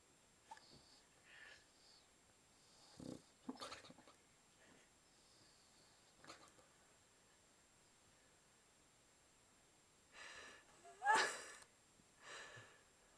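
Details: Sleeping boxer dog in a quiet room giving intermittent soft snorting and rasping breaths, louder near the end; extreme snoring.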